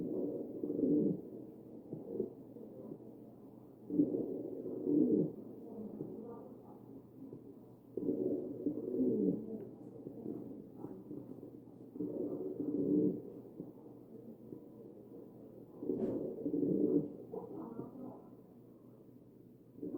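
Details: Wheezing over the chest of a real mechanically ventilated patient.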